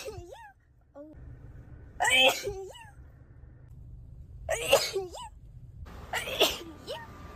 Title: sneeze 4🤧